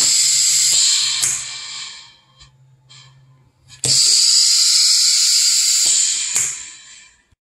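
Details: Prototype emergency ventilator (SqueezeBox V1) for respiratory support until a ventilator is available, cycling: loud bursts of rushing air with a low motor hum and mechanical clicks.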